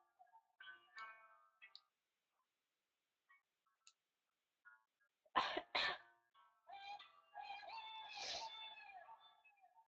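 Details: Sneezing during a run of eight sneezes: a pair of sharp, forceful bursts among quieter vocal sounds, with music in the background.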